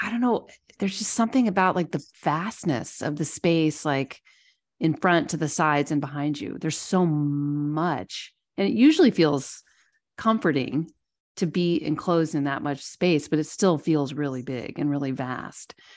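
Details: Adult woman speaking; ordinary speech.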